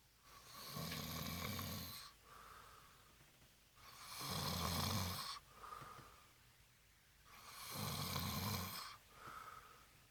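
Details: Drunk boyfriend snoring heavily: loud, rattling snores on each in-breath, each followed by a softer exhale, about 18 a minute in a quiet room.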